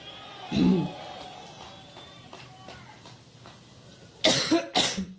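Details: Coughing fit of an adult woman on stage during a Labor Day campaign speech in Cleveland, Ohio; three dry coughs, one early and two close together near the end, with faint hall noise.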